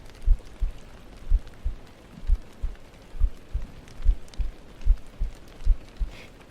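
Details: ASMR stream heartbeat trigger over a soft rain backdrop: soft, regular low thumps in paired beats, roughly 70 a minute, under a faint rain-like hiss; a steady heartbeat.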